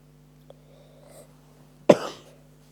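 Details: One sharp, harsh cough from a person with a bad cough, in a quiet room with a steady low hum.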